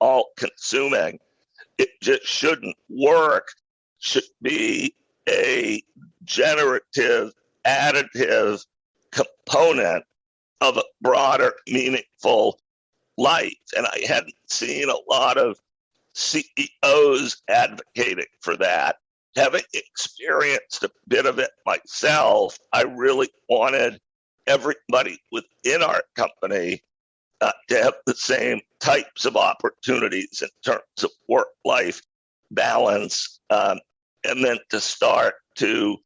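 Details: Adult male who acquired a rare neurological voice disorder in 2012 that made speaking difficult, still audibly present years later; neurological voice disorder.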